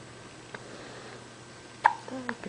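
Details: A baby having hiccups, just as he did in the womb; hiccups.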